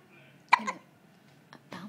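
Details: Newborn being bounced has hiccups; brief sharp hiccup sounds with soft breathy noises between, louder than a newborn would be expected to utter.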